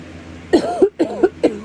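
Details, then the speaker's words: Productive cough in an adult with COVID-19 (October 2021), congested with a runny nose: three wet, rattly coughs in quick succession with audible phlegm. "Can you hear that phlegm? My nose wants to run. I gotta get some Robitussin to try and break up the phlegm."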